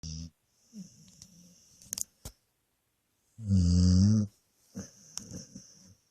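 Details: Asleep and sprawled on the bed, snoring and farting: low rumbling snore breaths, one loud and drawn out, with softer snuffling breaths between.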